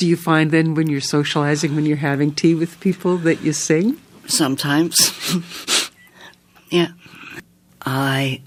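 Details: Adult woman interviewer; typical speech.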